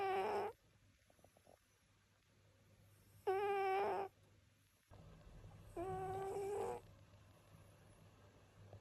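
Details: Sleeping cat (male) snoring very loudly; three loud, whistling, tonal snores spaced like slow breaths, about 20 per minute: snoring.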